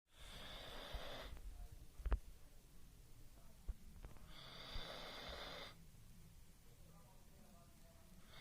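Two long hissing, rasping breaths about four seconds apart over quiet room noise; a dog snoring in sleep.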